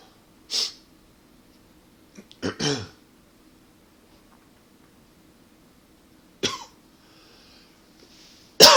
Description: Not really a coughing fit per say...just a tickle that wouldn't go away. Allergies for sure. OK and a little from smoking too :)